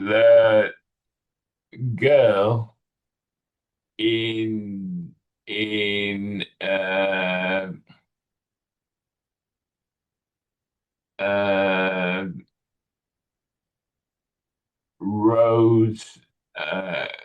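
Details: 65-year-old male with Broca's aphasia in a real tele speech therapy session on a picture-based word-retrieval task; non-fluent speech with word-finding difficulty; Broca's aphasia.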